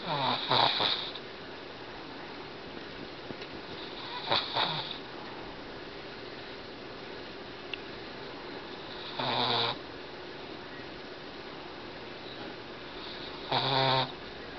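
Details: Betty, a Boston Terrier, snoring as she fights off a nap: loud rattling snores at about 13 breaths a minute with steady room hiss between.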